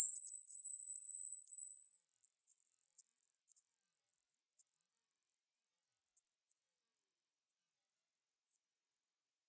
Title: Hearing Test. How old is your hearing?